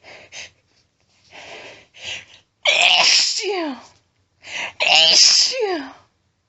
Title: Gonna sneeze! Announced strong sneezing (f)